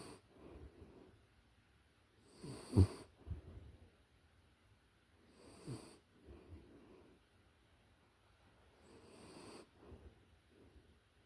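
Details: Close-up recording of a puppy in deep sleep: soft, quiet snuffling snores with faint breaths between them, about three cycles in eleven seconds, gentle dog sleep snoring.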